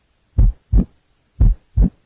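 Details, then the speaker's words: Simulated heart beating 60 a minute with an early diastolic murmur added in the diastolic period. "listen now to a heart beating 60 times per minute then a murmur will be added in the diastolic period early mid late and pan diastolic first an early diastolic early diastolic"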